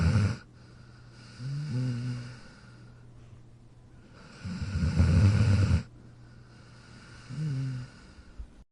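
Low rumbling snores on the breaths, about three in nine seconds, with quiet room noise between them; ordinary snoring in a sleeping dog.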